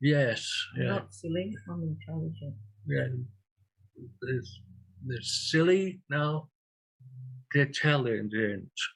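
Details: Aphasia in a real 67-year-old man after two large strokes, 18.5 and 6 years earlier; he uses a communication board.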